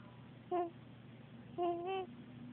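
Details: Miles, a sleeping newborn in hospital, makes brief high, voiced squeaky grunts against quiet room hiss; newborn sleep noises (grunting), also continuing at home.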